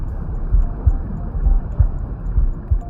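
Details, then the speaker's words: Soft paired low thumps of an adult heartbeat at about 65 beats a minute with steady background hiss, recorded with a Stemoscope smart wireless stethoscope: normal heart sounds. "if you are a new mom you may record your heartbeats and play them to your baby your baby may enjoy them because these are the sounds your baby enjoyed when he or she was still in the womb"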